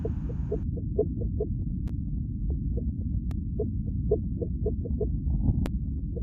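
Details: Rapid, regular soft pulsing over a steady low Doppler rumble: fetal heartbeat on Doppler during pregnancy.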